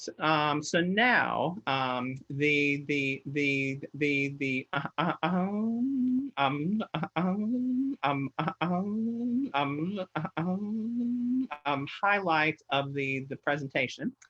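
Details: Stuttering in an adult who stutters, presenting at a webinar.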